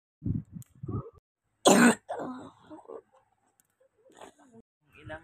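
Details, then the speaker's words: Child with recurrent cough and colds, on antibiotics again: a single harsh cough burst among quiet speech and small throat sounds; child's cough. "Grabe talaga yung ubo niya kapag kagabi."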